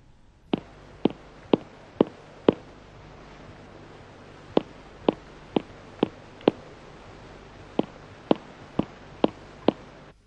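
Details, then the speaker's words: Finger percussion at right midclavicular line showing lung–liver border mobility: crisp taps in runs, hepatic dullness replaced by lung resonance on deep inspiration, dullness returning at same spot after deep expiration. "mise en évidence de la mobilité de la limite poumon foie la matité hépatiques et remplacé en inspiration profonde par la sonorité pulmonaire après expiration profonde on entend de nouveau la matité hépatique au même endroit"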